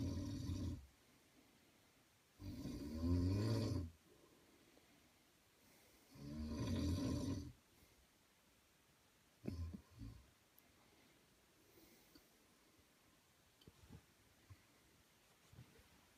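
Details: Adult man (a friend's father) snoring loudly: deep, rattling snores on inhaling roughly every four seconds, with quiet breathing and small snorts between them.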